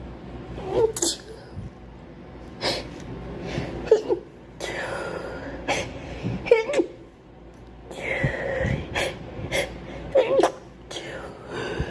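Several short sneezes in a row, each with a quick breath before it, over quiet room noise.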